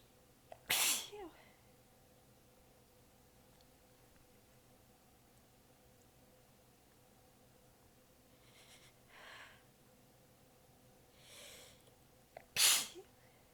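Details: Two sharp sneezes with weak, partly held-back sneezes or breaths between them in a quiet room, from a prolonged sneezing fit; the sneezer was exhausted with sore abs and biting sneezes back.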